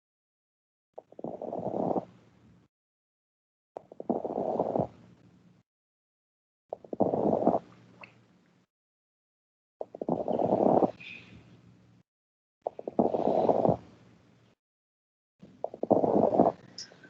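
About six breaths, roughly 21 a minute, each with bursts of fine popping and crackling over the breath noise: lung crackles.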